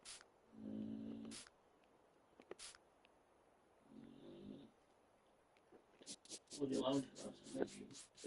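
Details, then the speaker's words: Tiny sleeping female dog snoring loudly in buzzy bursts about every three seconds, with clicks and background noise. "That's the dog snoring, guys. That's what you can hear. That's our storm. Snoring away."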